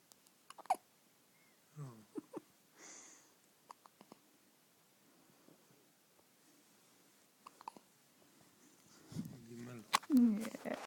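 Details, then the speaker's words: Grumpy baby boy with hiccups for ages, woken from sleep by them: quiet, sharp, intermittent hiccup catches with brief fussy infant vocal sounds and a whimper near the end. "There goes the sleeping when he's got hiccups. Can sleep through anything."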